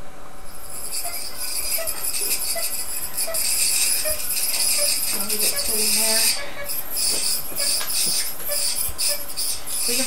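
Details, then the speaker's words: Ultrasonic dental scaler with water spray giving a loud, steady, high-pitched hiss and whine while removing tartar from an anesthetized dog's teeth during a veterinary dental cleaning; the operator wears a face shield and mask. "we are using an ultrasound scaler to remove the tartar from Philly's teeth I use a face shield and Mass to protect myself from the bacteria this scaler can be quite loud"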